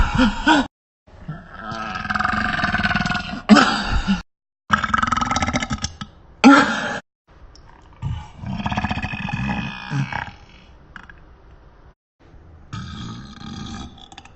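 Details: Prolonged burping: long, deep, rumbling voiced belches repeated one after another with short pauses.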